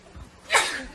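One sharp, explosive sneeze after a brief intake of breath, with quiet room noise around it.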